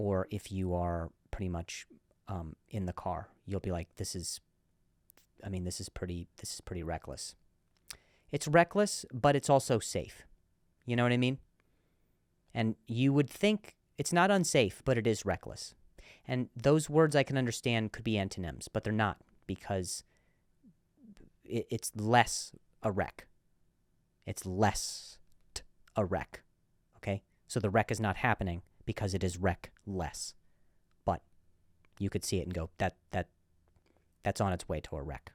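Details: Male comedian hosting a podcast about his stutter; repeated words; stuttering.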